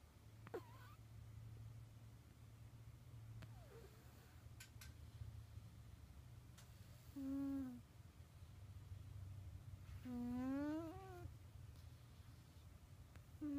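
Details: Cat snoring while sleeping deeply, until a motorcycle passes and dogs bark.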